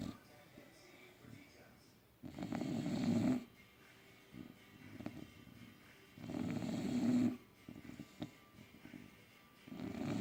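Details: Loud, rough snores in regular bursts, about 15 a minute, with quieter breathing between, from a sleeping bulldog; snoring.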